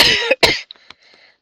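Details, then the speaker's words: Adult woman who is losing her voice: two harsh, forceful cough bursts in quick succession after throat clearing, followed by faint breathy sounds as it settles. "Pardon, ça m'a gêné la gorge."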